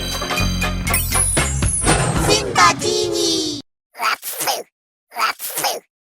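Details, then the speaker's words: Two sneezes after music ends, each a sharp intake of breath followed by a forceful burst of air through the nose. "we sneeze as a natural reflex to protect our respiratory system by clearing out irritants from our nose and throat here's how it works irritant detection when particles like dust pollen smoke or even strong odors enter the nose they can irritate the sensitive lining of the nasal passages"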